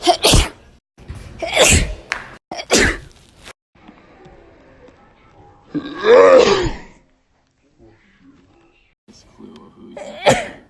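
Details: A run of several loud, explosive sneezes, some with a voiced build-up, separated by quiet gaps; repeated sneezing.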